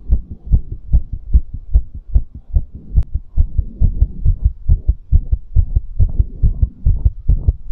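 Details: Fast, strong, regular low double heart thumps at roughly 140 per minute, recorded after exercise for ASMR; a fast heartbeat after exercise.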